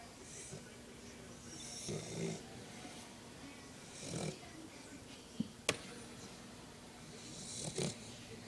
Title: My dog snoring !